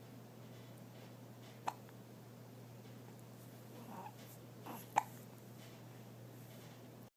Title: From a Smile to a Hiccup